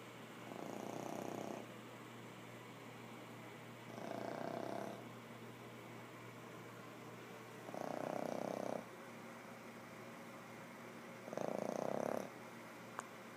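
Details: Rhythmic fluttering snores on each breath, about 17 a minute, from a sleeping animal over a steady room hum; snoring.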